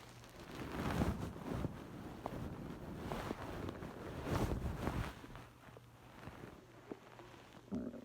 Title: Hungry stomach growling